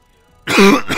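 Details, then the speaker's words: A single harsh cough or throat clear from an adult who is sick and hoarse. "Ich bin echt krank. Also ich bin krank und heiser. Das hört man."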